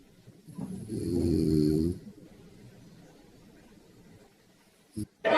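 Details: Wife snoring in her sleep, breathing heard over a phone line left on: one loud rattling snore on the in-breath, then quiet breathing and a brief knock; ordinary snoring.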